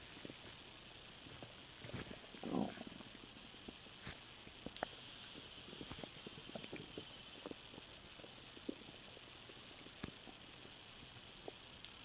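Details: Stomach noises from swallowing air: soft gurgles and scattered bubbly clicks over a steady hiss as air moves through the gut; borborygmi.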